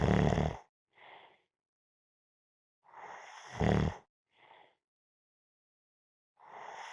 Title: Napping -Snoring Sounds